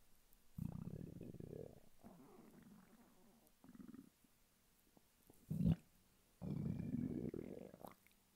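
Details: Stomach rumbling from hunger in a male lying flat on his bed: several low gurgling rumbles with quiet gaps between them, ordinary borborygmi.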